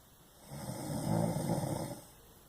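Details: Snoring: one rough, rumbling breath lasting about a second and a half.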